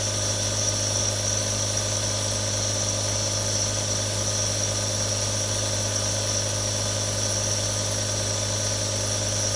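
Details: Steady loud motor hum with constant buzzing drone and airy hiss; nebulizer compressors running continuously, real sounds of three different nebulizers recorded for relaxation.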